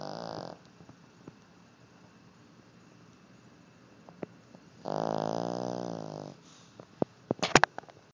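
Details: Loud, buzzing snores about four seconds apart with quiet breathing between, from a male dog in deep sleep who cannot be woken; ordinary snoring.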